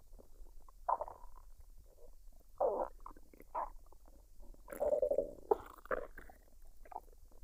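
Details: Woman's belly after a dinner of fried rice and duck, recorded unedited: several short gurgles and bubbly rumbles coming and going over a few seconds; normal digestive bowel sounds.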